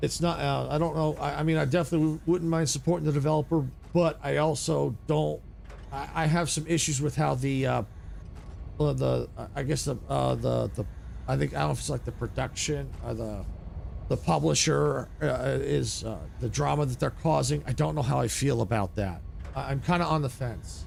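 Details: Adult male with a natural childhood-onset stutter that went away and is now returning as he gets older, triggered by surprises such as autosaves or typos; stuttering.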